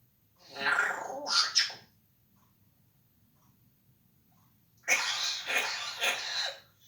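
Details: Parrot imitating its owner's coughing and joining in with his coughs: two clusters of harsh, raspy cough-like bursts with a quiet gap between them.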